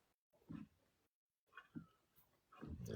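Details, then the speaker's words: Ordinary dog snoring heard in the background of an online talk: low snorting breaths recurring about every second in a quiet room, with soft rattling on each breath. "s laugh because my dog is snoring oh yeah I can hear the dog snoring"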